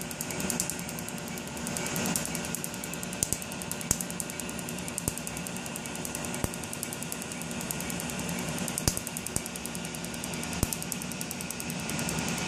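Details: Laser tattoo removal on the inner arm, 4th session of up to an estimated 12; sharp snapping clicks at irregular intervals over a steady machine hiss as the laser fires pulses.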